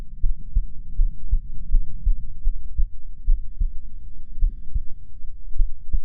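Soft, steady low thumps of a resting heartbeat, about 60 beats a minute, with a faint hum behind; a normal heartbeat.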